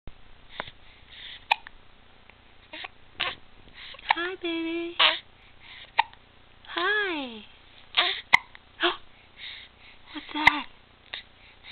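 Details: Baby making repeated small, abrupt hiccup sounds mixed with soft cooing, arms flailing; infant hiccups.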